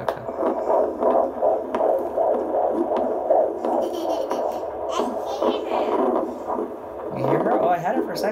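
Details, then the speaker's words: Fetal heartbeat on handheld Doppler at about 26 weeks' fundal measurement: rapid, regular whooshing pulses at 155–160 beats per minute, a good, strong heartbeat. "Heartbeat's running between 155 and 160. That's perfect. Okay. Good. That sounds great. Good, strong heartbeat."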